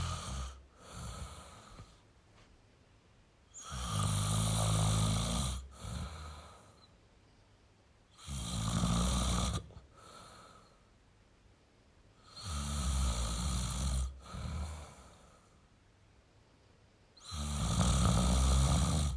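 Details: Male adult snoring: deep, rattling inspiratory snores about thirteen a minute, with softer breaths out between them.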